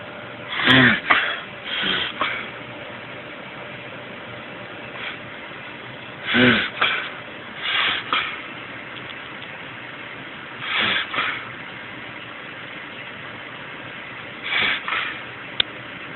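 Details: Possible reverse sneezing (owner unsure): about five short bouts of quick, snorting inward breaths with pauses between them over a steady background hum.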